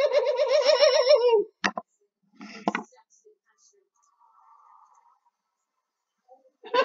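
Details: German-speaking gamer with Tourette syndrome producing noises during a gameplay recording; vocal tics (Tourette syndrome).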